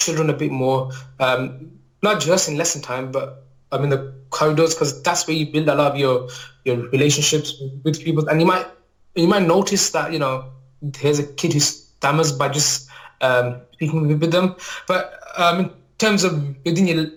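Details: Adult male maths teacher, real, with a lifelong stammer, mainly blocking type on certain words or sounds, worse when nervous; finding: stammering (stuttering).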